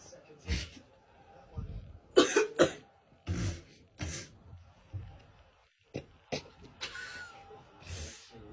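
Several short, harsh cough bursts and throat clearing, mixed with brief talk; part of a staged sneeze prank.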